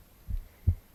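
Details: Adult reader's own heartbeat recorded on the left side of the chest while reading aloud: a single low lub-dub, two soft thumps close together, no added sounds; normal heart sounds.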